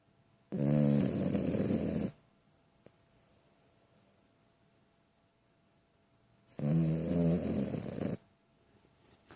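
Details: Sleeping dog snoring: two long, rattling, buzzy snores several seconds apart, with quiet breathing between.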